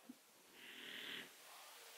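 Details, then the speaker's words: Pet sleeping in the background: a single soft, hissing snore heard faintly against quiet room noise: snoring. "Nie wiem, czy wy to słyszycie, ale nie mam serca go, wiecie, budzić tylko i wyłącznie dlatego, żeby przestał mi chrapać, czy robić podkład muzyczny, jak ja to nazywam. Ale to Miluś sobie chrapoli w tyle."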